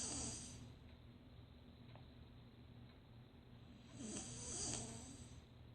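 Two loud, hissing, rattling snores separated by a quieter stretch of breathing: snoring.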